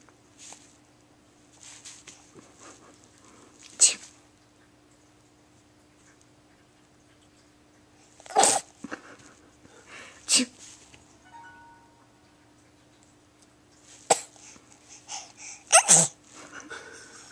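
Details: Girl sneezing for her mother: about five short, sharp nasal bursts spread over quiet room noise with a steady low hum; repeated sneezes.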